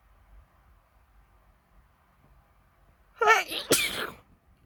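After a quiet stretch, a quick intake of breath and then one sharp, explosive sneeze.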